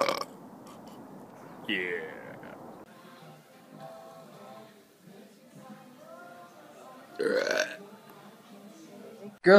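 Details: Compilation clip: two loud, drawn-out voiced belches over talk and music: burping.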